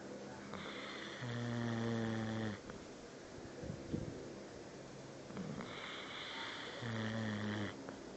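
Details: Ojo, a dog, snoring while asleep: two long, buzzing, tonal snores separated by a quieter exhale, with a low rattling quality and steady background noise.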